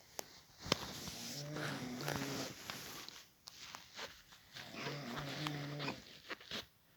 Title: Snoring sound